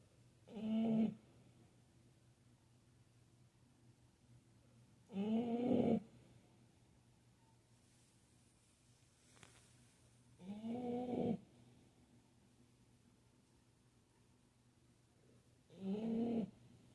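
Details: Extremely loud snoring: rhythmic snores about every five seconds, roughly 12 a minute, each a rough buzzing inhale over quiet room noise; snoring.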